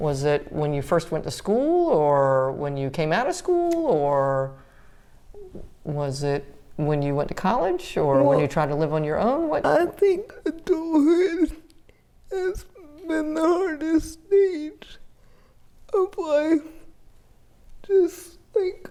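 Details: 30-year-old woman with GMFCS Level 4 cerebral palsy, quadriplegia with an athetoid component affecting arms, legs and trunk; uses a power wheelchair, repeated eye and hip orthopedic surgeries; dysarthria (cerebral palsy).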